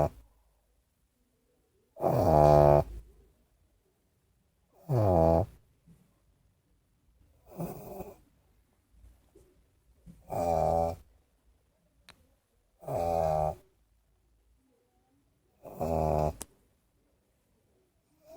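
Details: Pug napping: rhythmic, rattling snores on each breath, about 22 a minute, separated by quiet pauses; snoring of a flat-faced dog.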